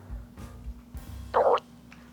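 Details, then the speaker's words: Abdominal bowel sounds recorded with a microphone on the stomach of a man treated for hiatal hernia, stomach full just after breakfast: a brief bubbly gurgle over a low hum, described as normal. "there you go you hold you heard that folks it's like a gurgling or a bubbly sound that is perfectly normal when you hear that don't be alarmed by that"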